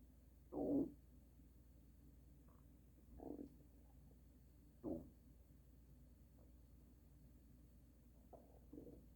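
Several low gurgling, growling bursts come and go over steady background hum, typical loud stomach rumbling (borborygmi), a normal sound of gut movement.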